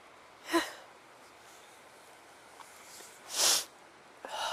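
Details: A person who sneezes often from allergies such as flowers, dust or plants, with an itchy mouth; two short, explosive, sharp sneezes in a quiet room.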